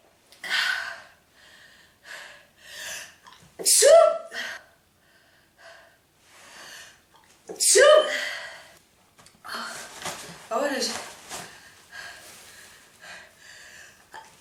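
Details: Woman in a prolonged sneezing fit of 46 sneezes, with nose blowing, saying it stings her nose and makes her hot: three forceful sneezes in quick succession, each preceded by a sharp in-breath.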